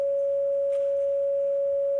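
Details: Simulated asystole flatline alarm: a steady, unbroken single-pitch tone imitating a heart monitor when the heart is flatlined, played as a demonstration, not from a real patient.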